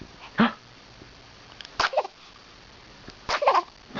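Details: Sneezing: three short, sharp sneezes over a few seconds against quiet room noise.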